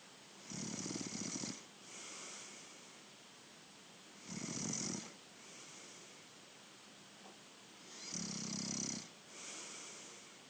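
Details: Younger brother snoring during sleep: regular rattling snores on each in-breath with quieter out-breaths, about 16 breaths a minute; ordinary snoring.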